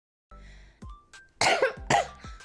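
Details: A woman with a severe cold gives two forceful coughs after softer throat-clearing bursts, after trying to hold the cough in; cough.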